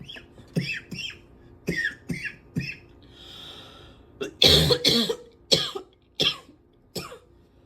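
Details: Person coughing heavily, barely able to take a breath without then coughing for five minutes: coughing fit.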